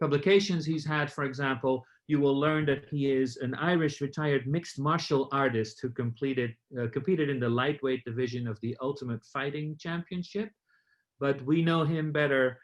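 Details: Adult male speaker; typical speech.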